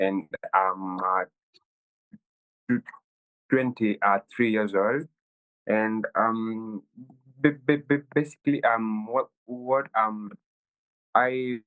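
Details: 23-year-old Kenyan man who has stammered since childhood, with the stammer worsening at university; stuttering.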